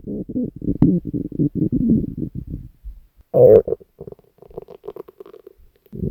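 Long gurgling, bubbling rumbles with a burst of deeper growling, typical of hunger stomach growls.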